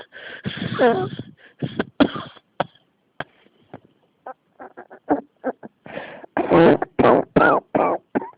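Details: A long run of harsh coughs with brief gaps between them, a persistent coughing fit that keeps coming back.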